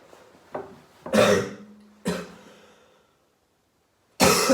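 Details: Adult sick about 3 days with suspected COVID-19 and hoarse voice, deliberately coughing up mucus: three harsh, loose coughs with throat clearing; wet productive cough.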